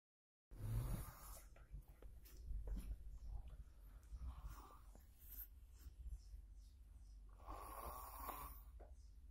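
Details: Young niece or nephew snoring while asleep: low, rough, rattling breaths, about 34 a minute and somewhat irregular, with quiet room noise; a child snoring.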